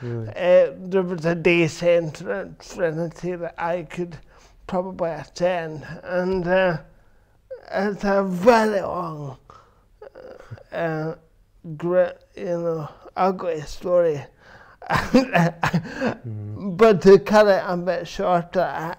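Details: Adult man with cerebral palsy since birth, which he says affects his verbal communication, balance and coordination; dysarthria.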